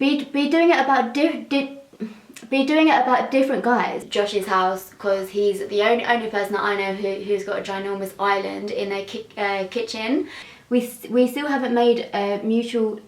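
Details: Young woman with a stutter (stammer); outtake clip with repeated words and syllables; stuttering.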